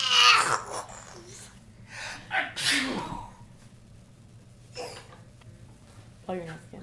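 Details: A grandfather teaching a 15-month-old child how to sneeze: a loud, sharp sneeze burst opens, followed by quieter sneeze-like bursts and brief talk in a small room.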